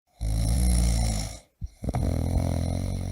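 Loud, deep, rattling snore on the in-breath, a short pause, then another snore begins: heavy snoring from a sound-effect recording.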